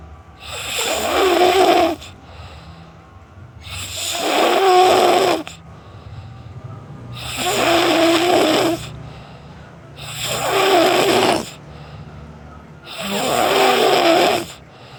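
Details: Snoring: a loud, rough snore on each breath in, about five breaths in fifteen seconds (roughly 20 a minute), with quieter breathing out between.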